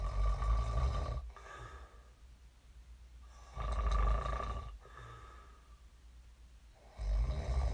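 Loud, rough snores on each in-breath with quiet out-breaths, about two breath cycles in eight seconds; ordinary heavy snoring.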